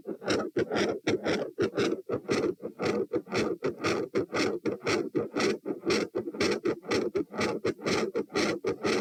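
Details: Heart sounds recorded at position T, 114 bpm: fast, regular, harsh-quality beat; S1 intensity initially varies with breathing, then becomes consistently loud; murmur intensity also changes.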